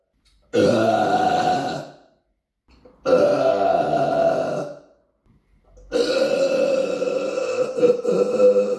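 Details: Deliberate burping recorded on a Samsung Galaxy S9 phone in an apartment: three long, loud, rumbling voiced belches separated by pauses.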